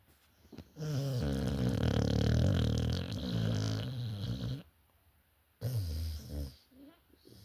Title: Blue snoring 😴